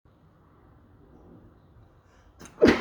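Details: Single sharp, explosive sneeze after a short inward breath in a quiet room, from a person who suspects they may be coming down with something.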